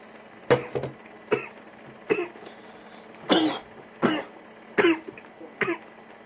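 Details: Seven short, harsh coughs in a row, about one per second, with throat clearing; coughing right after inhaling a cannabis dab.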